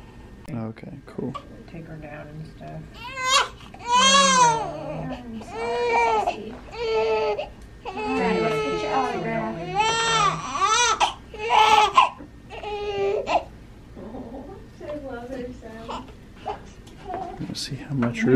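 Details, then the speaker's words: Bursts of loud, high-pitched crying from a newborn girl just after an induced birth, weighing 7 lb 12 oz and 21¼ inches long, with adult voices and room noise; normal newborn cry. "her voice sounds different yeah can you leave the i think it's been a long time since we've heard a newborn"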